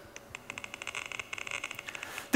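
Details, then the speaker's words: Irregular sharp crackling pops over faint hiss: spikes of a single neuron firing in a patient's brain, recorded by an electrode placed next to brain cells and played as sound. "is the sound of one selling this person's brain speaking"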